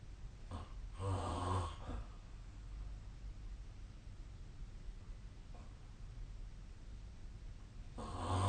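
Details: Sleep snoring on 2025/04/15: low, rough snoring sounds on breathing during sleep, against steady room noise.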